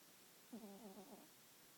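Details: Snoring from sleeping cats, one louder than the other: a single soft, buzzing, rattly snore under a second long from a sleeping cat in a quiet room.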